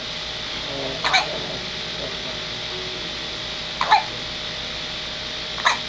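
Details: 9-day-old baby boy with a hiccup attack: three brief, sharp hiccups about two and a half seconds apart over background hiss; repeated hiccups.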